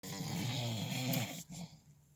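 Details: Man snoring at nighttime: a low, rumbling, fluttering noise on a single breath that fades away; a snore.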